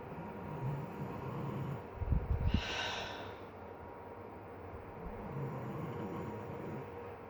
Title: My dad snoring